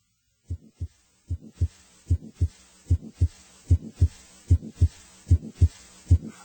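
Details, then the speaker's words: Teaching recording on murmur grading: a regular heartbeat at about 75 a minute with a very faint murmur between beats, heard only after tuning in and possibly not in all positions: grade 1/6 heart murmur. "Using the sixpoint scale grade one indicates a murmur that is very faint and heard only after the listener has tuned in. It may not be heard in all positions."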